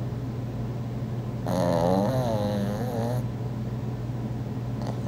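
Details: Pug snoring, recorded on an iPhone 4: a single wavering, whistling snore of about two seconds over a steady low background hum.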